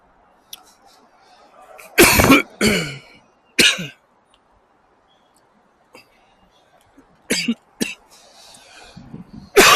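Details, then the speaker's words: Adult man's dry coughing fit while riding a shared bike in chilly night air at 9 PM: about seven harsh, explosive coughs in clusters with quiet gaps. He wonders about a cold or daytime air conditioning; nose is clear. "还是感冒了，不停的咳嗽，什么情况？哎呀，什么情况？干咳。哎，咳的不行。"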